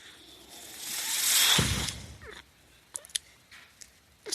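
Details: Breath from a podcast speaker's own mechanical ventilator, heard while he talks: mechanical ventilator breath cycle.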